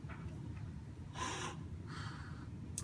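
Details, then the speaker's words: Two slow, rushing air puffs over low room rumble: a partner gives slow manual bag-valve ventilations to a tracheostomy training mannequin before tracheal suctioning. "I got a partner so I want to say ventilate my patient for me I want three to five ventilations so go ahead and apply the mask to thepast the nose part is up"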